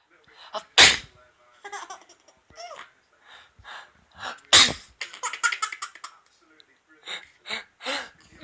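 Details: Parent's fake sneezes: two sharp, loud sneeze-like bursts, each followed by young son's giggling: sneezing.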